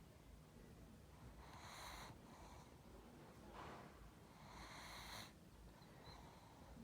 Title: Pug Sleeping And Snoring